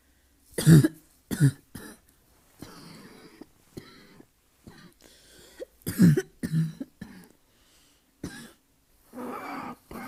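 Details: Asthma cough: several harsh, loud barking coughs with throat clearing between them.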